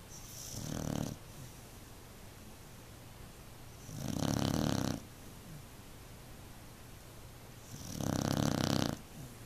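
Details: Beagle snoring so loudly on a couch that it vibrates; loud, buzzing, rasping snores about four seconds apart, roughly 15 breaths a minute, while asleep; another pet jumps off the couch. Snoring.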